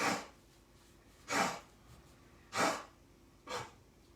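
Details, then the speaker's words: Cough from a female dog heard in the background during a spoken recording; four short, breathy, forceful expulsions spaced about a second apart. "Et on dit cela, je me tâte entre m'arrêter là pour soi, écouter la chienne qui tousse,"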